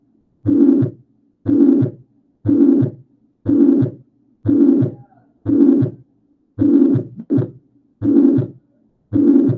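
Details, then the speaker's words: Mitral regurgitation heard at the mitral area (apex): S1, then a holosystolic murmur, then S2. "Vean cómo está el primer sonido, después que genera un soplo holosistólico, y después viene el S2."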